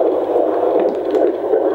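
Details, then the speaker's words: Fetal heartbeat on a handheld Doppler with built-in speaker, in pregnancy in an anxious mother with a prior miscarriage: fast, rhythmic whooshing pulses through a steady hum. "nnt ja ganz schnell das hört sich anders an als der rest in europa und zwar schlägt ganz schnell so der vorteil bei diesem gerät ist noch man braucht keinen kopfhörer"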